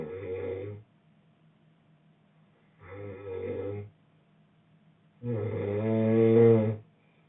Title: boyfriend snoring